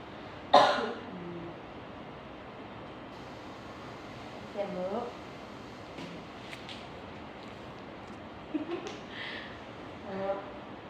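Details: Nurse trains an adult woman patient in effective cough: breathe in through the nose for 4 seconds, out through the mouth, then cough; one sharp deliberate voluntary cough followed by brief soft vocal sounds in a quiet room.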